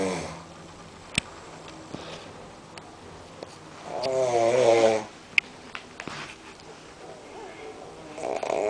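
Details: Man snoring unusually, attributed by the uploader to smoking: one loud, rattling snore on an in-breath, with scattered clicks and room noise around it.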